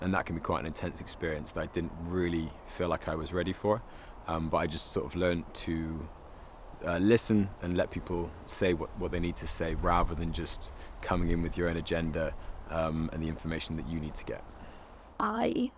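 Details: Adult man speaking; normal speech.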